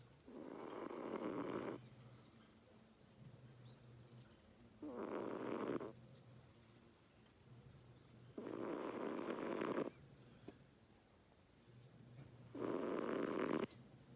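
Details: Kohaku, a Siamese cat who normally doesn't snore, napping in the daytime: loud, rough snoring on each breath, about four breaths in fourteen seconds, with steady room noise; owner wonders if the cat was tired.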